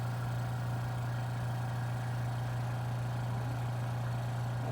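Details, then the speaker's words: Suction machine switched on to test the catheter before tracheostomy suctioning: steady low motor hum. "i'm going to turn this on test my catheter make sure it's working properly"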